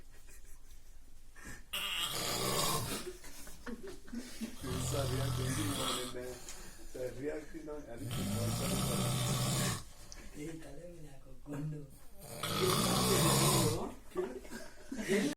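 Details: Man snoring while asleep: three long, loud, rough, rattling snores with a noisy room behind; ordinary heavy snoring.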